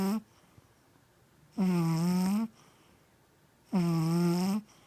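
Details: Mya snoring and dreaming in sleep: loud, droning, vibrating snores about a second long, roughly every two seconds, with quiet pauses between.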